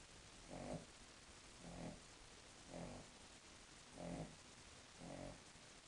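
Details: King Charles Spaniel asleep, snoring quieter than usual for her: soft, regular rumbling snores about once a second against steady background hiss.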